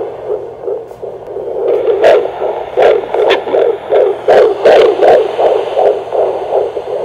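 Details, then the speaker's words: Pregnant woman at a prenatal check-up, previously high-risk: rapid, regular whooshing Doppler pulses of about 160 per minute; fetal heartbeat. "pero lo más lindo de esos controles siempre va a ser escuchar el latido del corazón una colita lenta"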